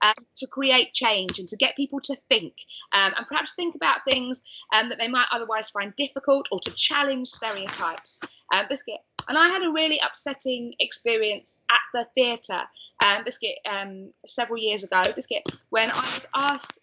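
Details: Adult woman diagnosed with Tourette syndrome at age 20, with involuntary vocal tics such as repeated 'biscuit', 'hedgehog' and 'cat' interrupting her speech; vocal tics (Tourette syndrome).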